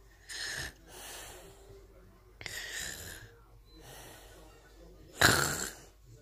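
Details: Snoring: three rough, noisy breathing sounds about two and a half seconds apart, with softer breaths between.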